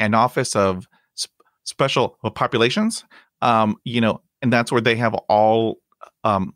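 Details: Adult man who stutters, with blocks and repetitions in his own speech; stuttering.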